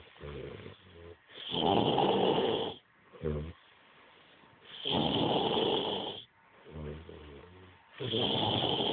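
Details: Heavily drunk man snoring: loud, harsh snores alternating with rumbling breath sounds, about 18 breaths a minute, in deep sleep.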